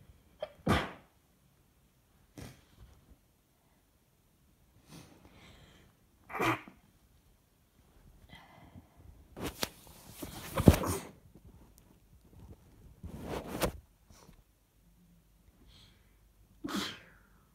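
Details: Person with suspected cold or allergy, itchy sensitive nose, sneezing over a morning: repeated sneezes in quick succession, some muffled into tissue or sweater, with sniffing in between; sneezing fit.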